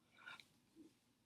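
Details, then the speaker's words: Female dog, tired: quiet snuffly snort then brief low whistle, her adenoidal, stuffed-up-nose wheezing that occurs when tired; nasal snorting (stertor). "I don't know if you could hear that adenoidal little wheezing that she does. That's when she's tired. You hear that little stuffed up nose type wheezing when she's tired."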